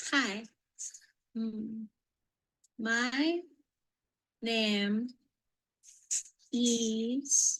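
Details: Woman with acquired apraxia of speech.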